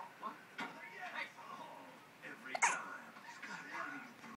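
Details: Dog (Mira) sitting in her chair: a few brief, sharp gulping clicks at irregular intervals in a quiet room; hiccups.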